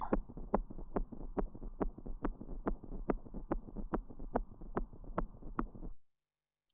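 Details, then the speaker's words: S3 gallop, heard as more than lub-dub, like a horse galloping, in a talk on acquired heart disease in dogs and cats: fast, regular heartbeat near 143 a minute with a three-part rhythm. "It's called a gallop because it literally sounds like a horse galloping. So I'll play the S3 first."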